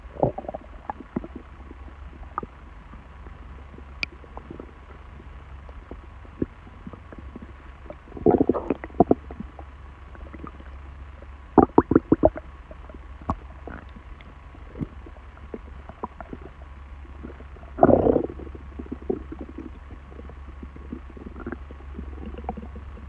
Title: Stomach noise